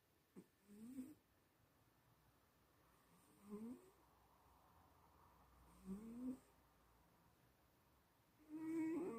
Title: loud snoring cat 😂🤣